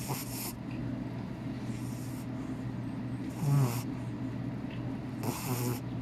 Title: ever wonder what a snoring cat sounds like? #justforfun